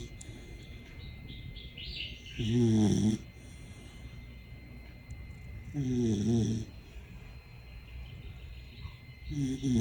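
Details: Sleeping dog snoring: slow, regular throaty snores about every three to four seconds, roughly 18 per minute, over quiet room noise.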